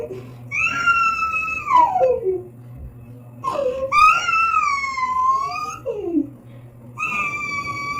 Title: Baby Crying Sound Effects 2